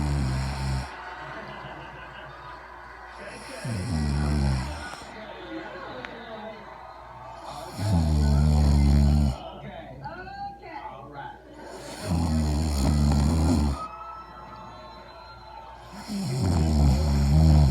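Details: Snoring in a sleeping mother: loud, deep, rumbling snores at regular intervals, about 14 breaths per minute, faint background music.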